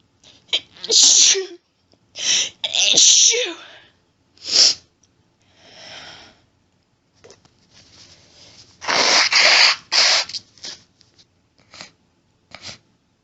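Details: Woman's allergic sneezing fit: rapid run of about ten sneezes in close groups, some with hitching buildups and sniffles between.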